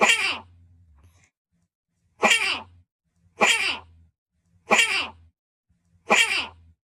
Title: Gorilla hiccups!!! #gorilla #babygorilla #zoo #zookeeper